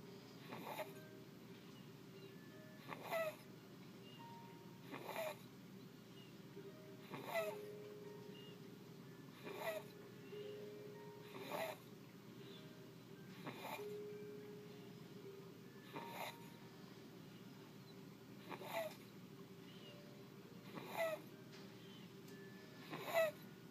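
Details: A 3-month-old infant with stridor: harsh, noisy breaths repeating at about 28 a minute, fitting a narrowed upper airway.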